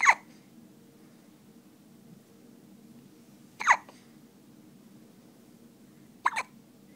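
Three short, sharp hiccups a few seconds apart over a quiet room hum; ordinary hiccups.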